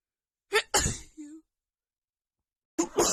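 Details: Woman with a bad, stuffy cold: a quick wet sneeze with a short voiced tail, then another sneeze after a pause.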